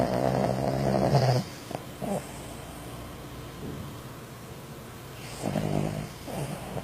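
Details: Person asleep: loud, low, rattling snores on the in-breath separated by quiet stretches of breathing; snoring.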